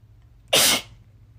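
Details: Single sneeze: one sharp, hissing burst of air with an abrupt start, lasting about a quarter second.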